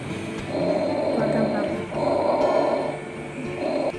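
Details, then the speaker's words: Bronchovesicular breath sounds in an adult man auscultated with a stethoscope at the 1st–2nd intercostal spaces near the sternum during deep breaths: two to three soft, even cycles of medium intensity and medium pitch. "Pada bronkofesikuler intensitasnya sedang dan pitch-nya sedang."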